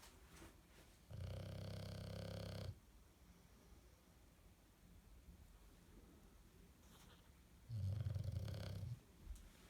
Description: British bulldog snores